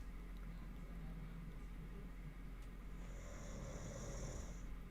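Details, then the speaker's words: Snoring from a sleeping female dog: quiet, low rumbling snores with a brief higher hiss near the end, over faint room noise. "Yeah. Oh, now you can hear her snoring."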